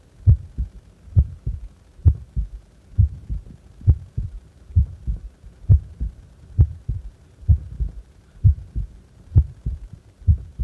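Steady low paired heartbeats at about 67 a minute, regular and unhurried: a normal resting heartbeat.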